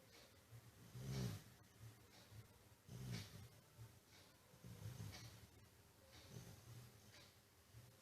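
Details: Dog deeply asleep near a study table, snoring with low rumbling snores on each breath at about 30 per minute, some with a soft snort.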